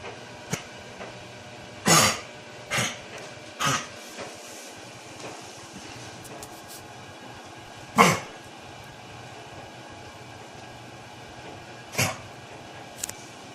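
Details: A dog gives about five short, harsh, dry coughs, some in a quick cluster: hacking cough.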